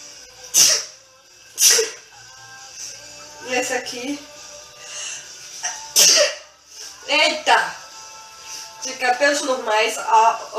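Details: Woman with apparent allergies, saying she feels unwell, sneezes several sharp times in quick succession during a product haul, then speaks over background music; sneezing.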